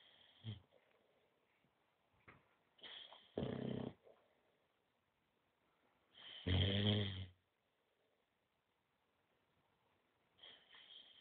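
Loud, rattling snores on the breath, separated by quiet pauses, from a sleeping short-nosed dog.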